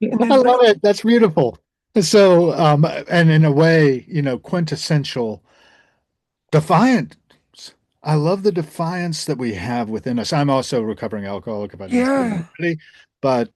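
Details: Adult male speaker; normal voice.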